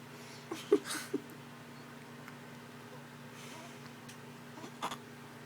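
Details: Middle-of-the-night hiccups in a baby girl before bed: a few brief, soft, abrupt catches over quiet room hum.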